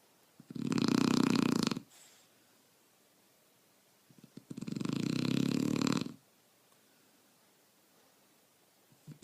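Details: Shar Pei dog snoring.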